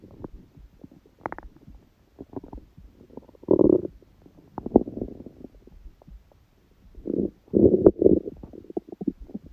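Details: Hunger stomach sounds from an empty stomach, recording that includes sneezing: rumbling, gurgling growls in uneven bursts with a sharp sneeze-like burst; ordinary hunger borborygmi.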